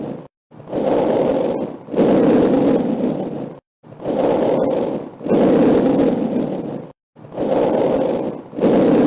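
Soft, even breaths with a longer inhalation than exhalation and brief pauses, about 18 a minute; normal breath sounds.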